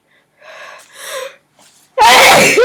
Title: Sneezer sneezing sneezes 2